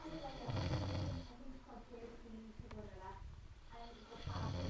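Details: Drunk adult man snoring heavily: two loud, low rattling snores on inhalation about three seconds apart, with quieter breathing between.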